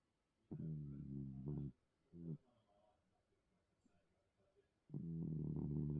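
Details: Low, buzzing snores in a quiet room, one long, one short, then another starting: gentle snoring in a sleeping cat.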